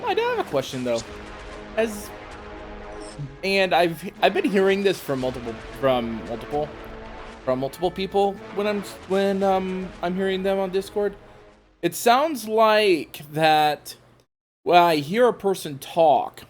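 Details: Adult male speaker over background game music; ordinary speech.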